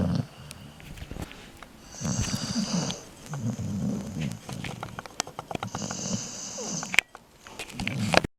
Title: He snore